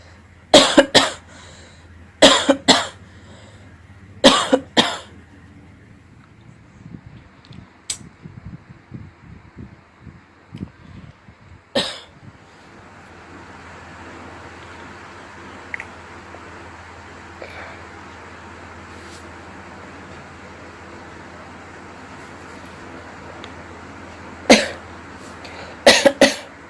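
About ten sharp, dry coughs, mostly in quick pairs, separated by long quiet stretches with faint room hum.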